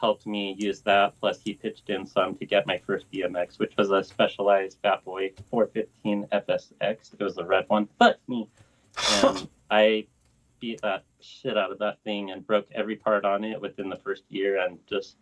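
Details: Adult male BMX rider with lifelong Tourette syndrome worsening with age; swearing tic began around age 35; vocal tics with coprolalia (Tourette syndrome).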